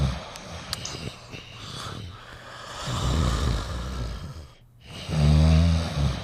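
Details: Two dogs sleeping together: low, rumbling snoring over steady background noise.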